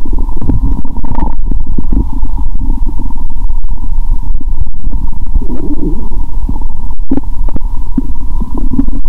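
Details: Adult stethoscope on own belly after fasting over 15 hours, now eating Mentos and drinking Coke: continuous low gurgling and rumbling, loud close-up muffled quality; active bowel sounds.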